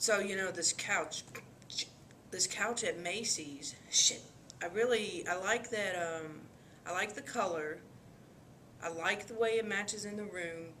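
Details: Acted coprolalia as in Tourette's syndrome, with intrusive involuntary vocal tics that are vulgar, obscene or grunt-like interrupting speech.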